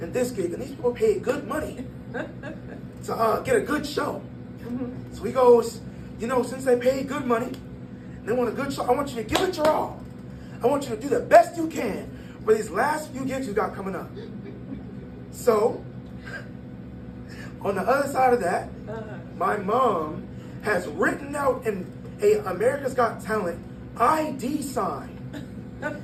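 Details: 22-year-old man born prematurely at about one pound, vocal cords having to develop as he grew and still not closing all the way; breathy voice from incomplete vocal fold closure.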